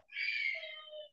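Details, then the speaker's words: Infant girl crying: a single short, high-pitched wail heard faintly at a distance from another room during a recorded podcast breathing exercise; parent says she'll settle in a moment. "if you can hear my baby crying in there but she Jen's good she'll be good in a moment"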